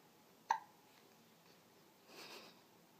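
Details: Baby hiccups while moving and "dancing": a single sharp, brief infant hiccup in a quiet room, followed by a soft breathy sound.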